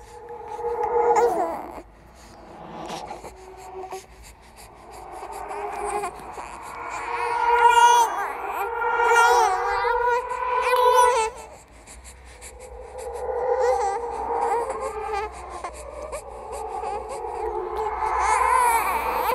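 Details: Horror sound-effect track of a ghostly baby crying and laughing: infant-like crying and babbling wails in waves over a low hum. The cry is composed with other creepy sounds, not a real clinical recording.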